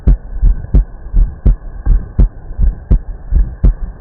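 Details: Normal heart sounds on stethoscope auscultation: steady two-part heartbeat at about 83 beats a minute, with a faint background hum.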